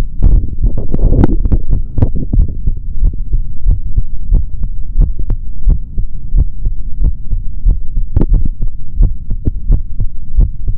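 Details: Normal heart sounds of a male, heard through a stethoscope in an ASMR recording with no talking: steady, loud, low thuds with some rubbing noise.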